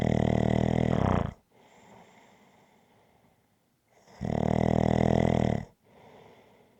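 Loud, rough, buzzing snores on each breath in, with quiet breaths out between them, about 15 breaths a minute; snoring.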